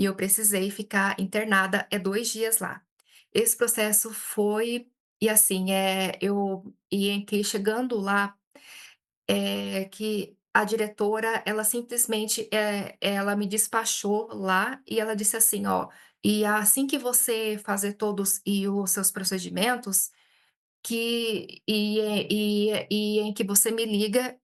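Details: Adult Brazilian woman who stutters, speaking Portuguese and self-describing frequent speech blocks; hesitations and repetitions are heard; stuttering.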